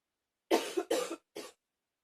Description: Ten minutes of coughing.